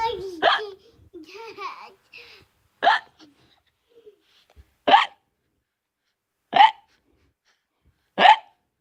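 Laughter and talk, then sharp, abrupt hiccup sounds repeating every one and a half to two seconds; hiccups.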